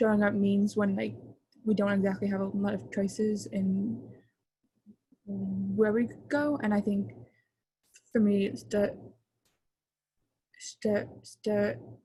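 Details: Adult male who stutters and chooses to stutter openly; real stuttering.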